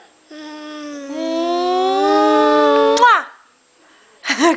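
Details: Toddler girl: a long, rising, tonal wail lasting about three seconds, then a brief sharp burst and a short second cry; fussy infant crying.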